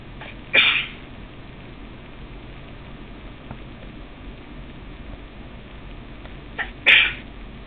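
Two sharp, explosive sneeze bursts a few seconds apart against faint room noise; repeated sneezing.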